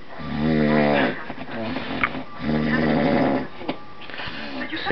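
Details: Loud snoring at night on Christmas Eve from a man who insists he doesn't snore: snoring.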